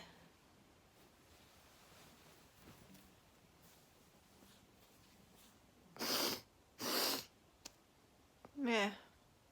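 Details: Sneezing: three sharp sneezes in quick succession after a quiet stretch, the last with a voiced trailing sound.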